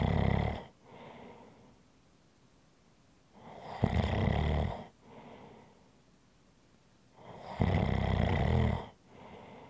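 Loud, rough snoring on each breath in, with a quieter breath out between. About three cycles in ten seconds, roughly 18 breaths a minute.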